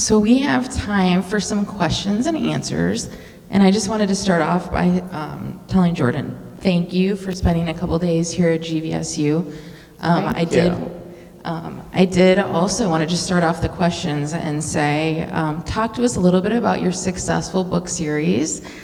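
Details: Adult woman speaking; typical speech.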